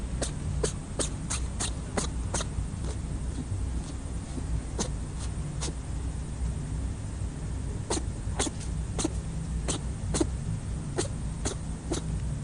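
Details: Repeated sneezing from a rabbit on Okunoshima (Rabbit Island), Japan: many small sharp sneezes in quick succession with brief pauses, over a steady low rumble of background noise.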